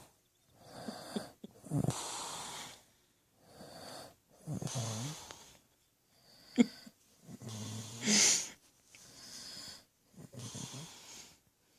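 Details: Adult man asleep, who insists he doesn't snore: repeated loud rattling snores on the in-breath with quieter breathing between, about five breath cycles in twelve seconds; ordinary snoring.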